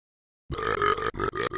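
A long, throaty burp followed by two shorter ones: belching.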